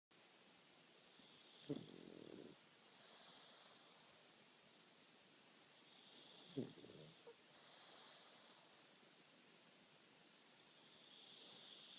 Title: Nacho the Snoring pug